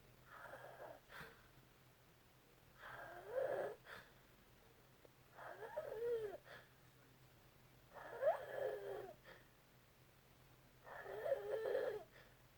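Five rough, rattling snores in slow rhythm, about 23 breaths a minute, with quiet pauses between them. Snoring.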